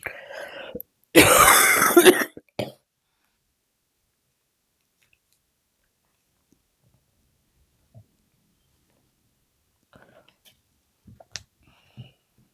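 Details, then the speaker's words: Adult woman with a cold again, still coughing a little: a single loud, harsh cough burst with a brief follow-up, then near silence with faint small sounds. "Voilà, amis Bélier, je suis désolée, je tousse encore un petit peu, donc j'ai à nouveau le rhume, donc je m'en excuse avant si vous entendez ma toux."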